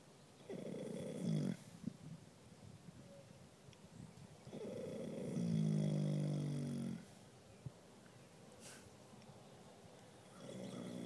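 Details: A sleeping dog snoring during a nap: slow, low, rattling snores about every four to five seconds, each a long vibrating breath through the nose and throat.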